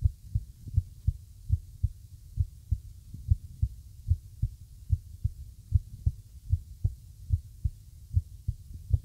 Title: Irregular Heartbeat